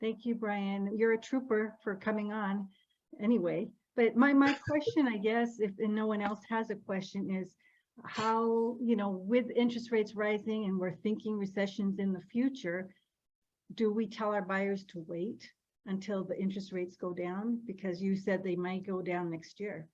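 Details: Adult woman speaking; ordinary speech.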